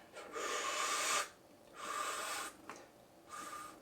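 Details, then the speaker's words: Spectra electric breast pump in expression mode at its slowest 38-cycle setting (options 38–54): slow rhythmic hissing suction pulses about a second each. "you can switch it to expression mode that's this middle button middle white button on the top um and so this is going to allow it it slows the cycles down so the cycle options are 54 50 46 42 38"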